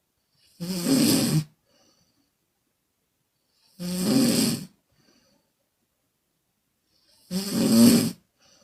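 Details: Woman snoring during sleep: three loud, rough, rattling snores, each under a second, about 18 per minute with quiet pauses; exhale and mouth-blowing type, sometimes on inhalation.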